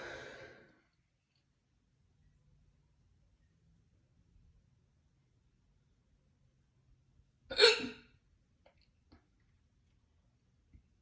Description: Had soup for dinner. Ate a bunch of crackers afterwards because i was still hungry, and then got these super loud hiccups from that.